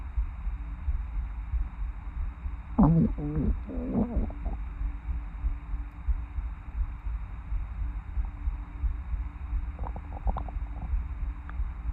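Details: Loud, rolling gurgles and squeaky bubbling growls in two bursts at 7 am after more than 20 hours without food, audible without a microphone: stomach growling (borborygmi) from an empty, hungry stomach.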